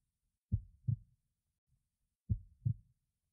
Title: HeartBeatProject3